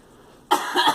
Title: Girl coughing